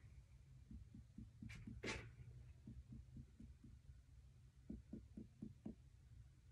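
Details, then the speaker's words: Series of soft, hollow percussion taps over the abdomen during an abdominal assessment: a normal tympanic note over air, with no abnormalities. "Next, I am going to percuss your stomach, just listen to what it sounds"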